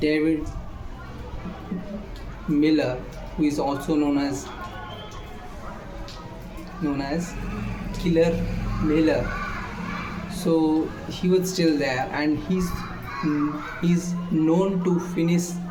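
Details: Male speaker who states he stammers; stuttering, with pauses filled with voiced sounds mid-sentence.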